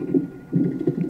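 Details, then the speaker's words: Fetal heart at 30 weeks of pregnancy on a hospital Doppler monitor, skipping a beat about every ten beats, with tests being run: rapid whooshing fetal heartbeats with brief pauses, a fetal arrhythmia with skipped beats. "so it's pretty much ever you like ten beats skips a little bit and that's not really normal so that's what they're running tests on"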